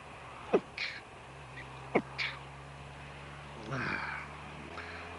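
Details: Sneezing fit from a motorcyclist riding a motorbike: two sharp explosive sneezes about a second and a half apart, each followed by a quick breath, over steady engine and wind noise.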